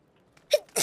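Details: Sneeze: a sudden voiced, squeaky burst of air fading quickly, with a second explosive hiss starting as the clip ends.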